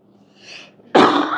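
A soft breath in, then one sudden, loud, harsh burst of sound from an adult: a single cough.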